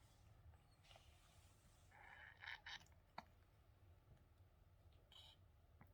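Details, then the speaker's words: Stertorous snorting breathing in a three-legged feral cat with skin cancer on her nose, struggling to breathe through it: a few short, rough snorting breaths over quiet room noise. "Hard to breathe through that nose, isn't it, Crumblet? She's our three-legged snorty feral cat, and I love her."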